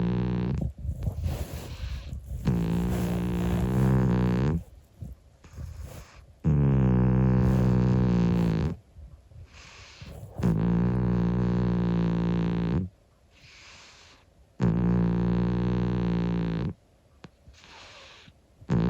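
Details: Long, buzzing, purr-like snores with quiet gaps, about every four seconds, from a sleeping 25-year-old calico cat; harmless snoring.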